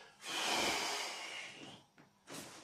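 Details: During manual spinal correction training, the person lies supine while pressure with traction is applied on the out-breath: a long, loud, hissing nasal breath out, then a short second puff; forceful exhalation.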